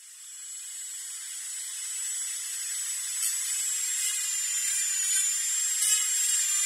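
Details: Dentist-drilling sound-effect recording: steady high-pitched whine of a dental drill, rising slightly as it runs, with faint grinding.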